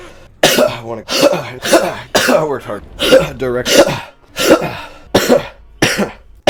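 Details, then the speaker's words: Gamer with COVID coughing while streaming: a long run of about ten harsh, throaty cough bursts with brief catches of breath between; cough. "Cause I do have COVID, and uh *COUGHS* Probably gonna do that a lot I'm gonna try not to cough As much as physically possible"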